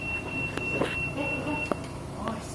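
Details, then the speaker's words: Steady high-pitched electronic alarm over machine hum and faint clicks during a high-frequency oscillator (HFO) ventilator demonstration; the alarm sounds as pressure is raised against the set lock limit; ventilator alarm. "Nah, sekarang kalau saya naikin ini dia udah nggak bisa lagi nih karena saya udah kunci di sini. Ini karena ada alarm ya."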